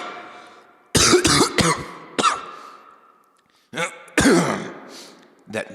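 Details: Acted cough by an adult man playing a pastor reading the verse of the day: harsh, explosive coughs in quick clusters with brief pauses.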